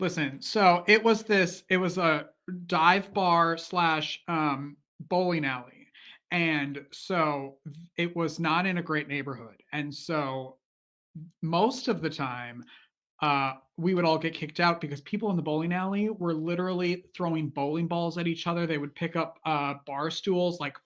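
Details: Stuttering in an adult male author who has stuttered since childhood, which he calls a neurological condition made worse mostly by nerves.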